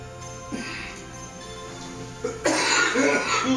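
A loud, harsh coughing burst breaks in after quieter throat noises, with music playing in the background.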